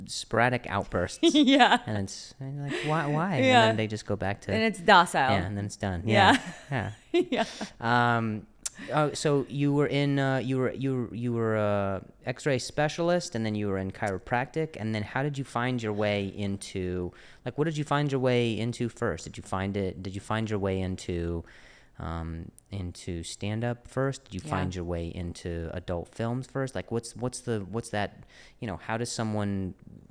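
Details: Stuttering with word and phrase repetitions in an adult male comedian who also mentions an injury he has had, in conversational podcast speech.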